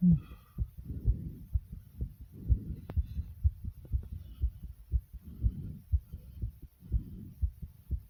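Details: Fast, strong pounding heartbeat about 120 beats a minute, racing after doing 65 jumping jacks: normal rapid heartbeat after exercise.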